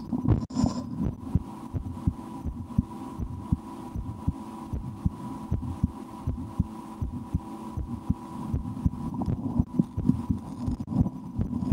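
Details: Adult's own heartbeat through a stethoscope for ASMR, recorded after lunch, sometimes holding breath to change the rate: steady, regular low thumps at about 80 per minute over a faint hum: normal heart sounds.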